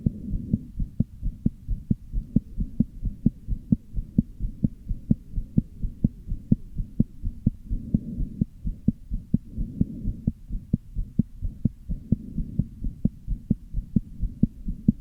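Fast heartbeat with uneven spacing and a low whooshing sound filling the gaps between beats.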